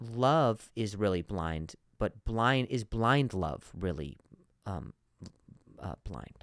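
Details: Stuttering in an adult man who stutters, hosting his own podcast.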